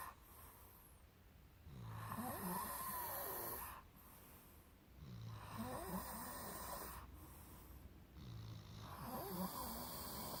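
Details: Soft, rattling snores with whistling notes, about three every ten seconds, over a steady hiss; snoring.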